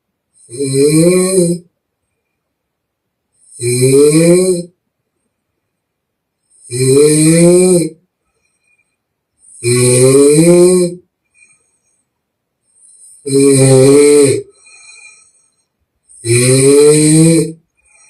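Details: Young Chinese woman in deep sleep, real recording: six very loud, rumbling snores at about 19 breaths a minute, silent exhalations between; extremely loud snoring.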